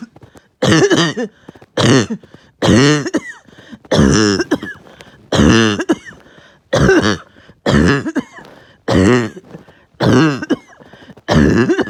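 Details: Uncontrollable, really bad barking cough at night, harsh and repeated, knocking the wind out of them.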